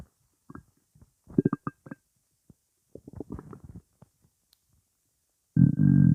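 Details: Irregular low gurgles and squelching pops in bursts, ending in a longer loud rumble, from gas in the stomach: stomach rumbling (borborygmi).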